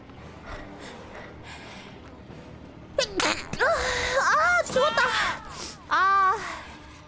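A sudden voiced burst cuts through quiet room noise, followed by loud drawn-out vocal sounds; an adult sneeze run together with exclamations.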